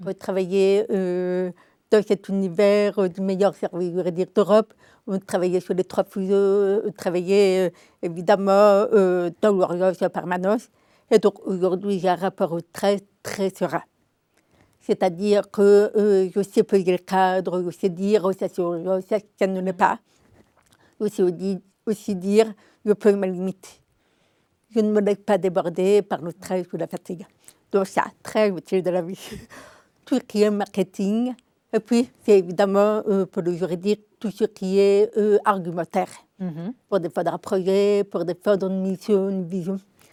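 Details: Deaf speech in an adult woman with congenital deafness diagnosed at 9 months; she learned to speak through 20 years of speech therapy, three sessions a week.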